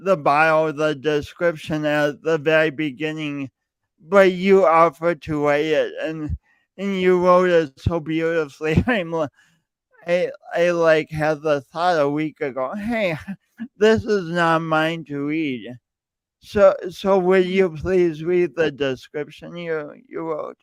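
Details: Male speaker who self-reports an audible speech impediment present whenever he speaks, with part-word and word repetitions; stuttering (disfluent speech).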